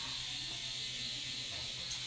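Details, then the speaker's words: Steady high-pitched buzzing whir with fine rapid ticking; electric microneedling pen running during facial treatment, needle depth dialed. "so as i'm doing this i'm also able to dial up on how deep i'm going with the needle"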